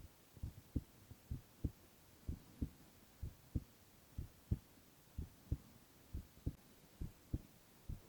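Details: Boy's heart sounds, ASMR recording: regular paired lub-dub beats at about 60 a minute over faint hiss; normal heart sounds.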